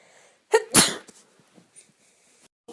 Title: Sneeze Recordings